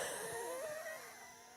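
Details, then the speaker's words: Adult with a cold over a month old, settled in the lungs: brief musical, whistling breath sounds of wheezing. "still wheezing from it so this has been over a month that I've had this stupid cold that I can't seem to get rid of and it's all in my lungs and stuff"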